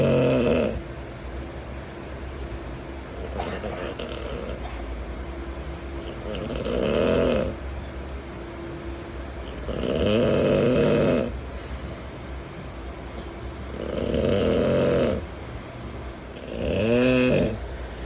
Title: Man Snoring 😴 💤 in Train | Sleeper Class | 13138 Azamgarh Kolkata Express Journey | #train